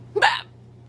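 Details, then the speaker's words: Violent, painful hiccups recorded at 5:30 a.m., started a minute earlier and keeping the person awake: a single sharp, voiced hiccup with a quick gulping onset over quiet room hum; hiccups. "I mean this my hiccups are awful so I just wanted to document this so everyone can see how bad oh it's like it's kind of painful"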